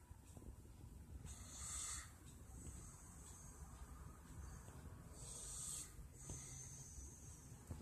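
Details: Father snoring while asleep, recorded faintly on a phone: two slow, hissing, rattling inhaled snores about four seconds apart.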